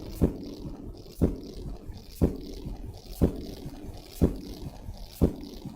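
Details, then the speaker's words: Third heart sound (S3 gallop) played from a recording during an ECG workshop: a steady heartbeat near 60 per minute with a faint, low-frequency extra sound after each beat, galloping like a horse. "so it is like a horse Galloping okay so that's how S3 sounds"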